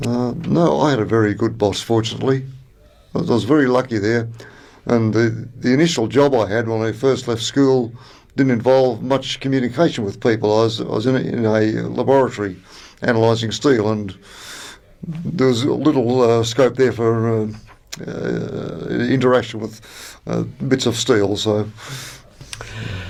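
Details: Adult man from New South Wales, Australia, who stutters, describing his real experiences with stuttering: stuttering.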